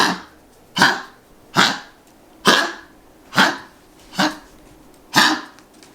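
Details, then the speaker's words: Female dog with collapsing trachea, honking more often over recent weeks, worse when hyper, especially at night; seen by vet at least three times: seven harsh, goose-like honking coughs in about six seconds. "so it sounds like a goose and the recording i have may not be as loud and extreme as it can be because she really will sound like a goof sometimes when she's really hyped"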